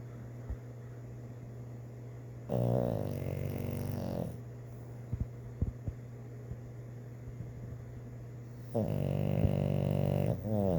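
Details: Sleeping Igor, dreaming: two long, rough, rattling snores with a quiet steady hum and faint clicks between them; snoring during sleep.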